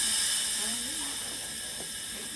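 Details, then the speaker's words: Oxygen flowmeter set to 15 liters per minute during a simulated ICU airway drill for a hypoxic patient at 75% saturation: loud steady hiss of high-flow oxygen with faint voices behind. "That's the sound at 15, right? That's 15 liters per minute."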